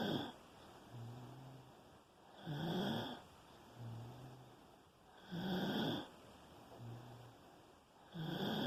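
Regular snoring at about 21 breaths a minute, a soft low buzz on one phase and a louder rising snore on the other.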